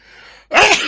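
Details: A single loud, explosive sneeze after a brief quiet pause from a male streamer while gaming, with a little room noise before it; an ordinary sneeze.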